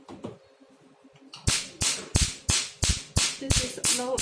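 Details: Handheld pico laser with the 1320 nm tip at low energy ("power not that strong"), demonstration: loud, sharp, fairly regular snapping pulses about three per second; pico laser firing.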